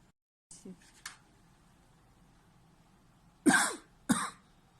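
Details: 40-year-old man with a 2-month history of paroxysmal cough, caused by a schwannoma of the right vagus nerve: a few soft throat sounds, then two harsh, forceful cough bursts close together; paroxysmal cough.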